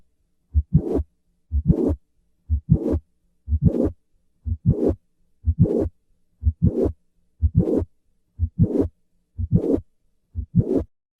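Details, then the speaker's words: Mitral valve prolapse, regular heartbeat around 60 a minute: mid-systolic click followed by a short late systolic murmur. "summary mitral valve prolapse is the most common valvular disease in developed countries the classic click murmur complex moves later with a squat maneuver"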